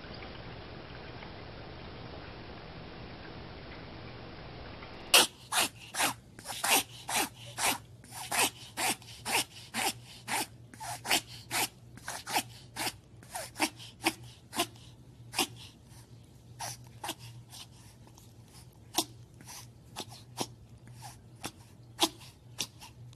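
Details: A dog in a reverse sneezing episode (pharyngeal gag reflex) makes rapid, repeated snorting inhalations, about two per second.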